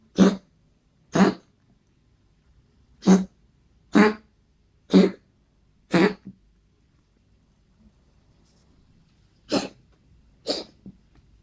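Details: Eight short, harsh, hacking coughs from a dog, six in a run then two after a pause; cough recorded for the vet.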